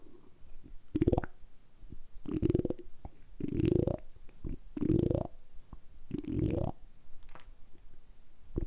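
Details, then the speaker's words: Stomach sounds in an ASMR recording: repeated low gurgling rumbles from the belly, about six bursts, each rising in pitch; ordinary stomach rumbling (borborygmi). "今日は単純にお腹を鳴らすだけの動画をお届けしたいと思います。だいたい10分ぐらいずっとお腹を鳴らし続けたいと思いますので、その時のお腹の音をお楽しみください。"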